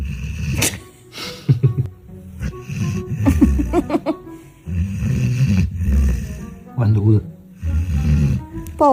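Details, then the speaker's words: Golden Retriever snoring loudly while asleep, with a person lying against it feeling the snore through the body. "我是他身上360度环声呼噜，而且是骨传，太响了，贝贝，贝贝，舒服，呼噜声小一点，呼噜声小一点，这个枕头不称职。"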